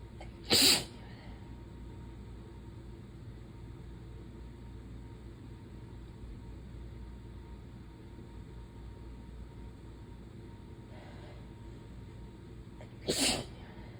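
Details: Relentless hay fever sneezes, the sneezer having lost their voice and being tired: two loud, explosive sneezes several seconds apart over quiet room noise.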